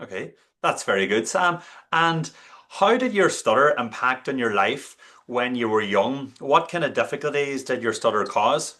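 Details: Adult male speaker; normal fluent speech.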